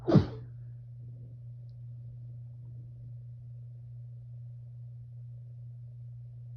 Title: Sneezing into a t-shirt